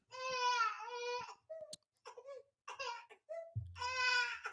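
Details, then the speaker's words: An infant crying in long, strong, high-pitched wails with short gaps and quieter fussing sounds between them. "oh baby's crying I don't know if you can hear it"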